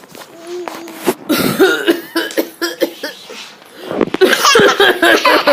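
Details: Adult gives a few short coughs while an infant answers with bright, bubbly laughter.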